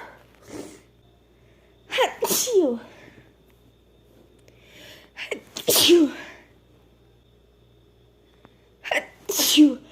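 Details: Female sneezing: three separate sneezes, each with a quick in-breath and sharp explosive burst; sneeze.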